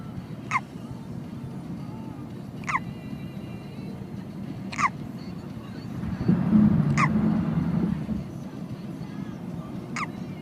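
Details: Niece having a bout of hiccups in a car: sharp, brief hiccups about every two seconds, roughly 28 a minute, over steady road noise.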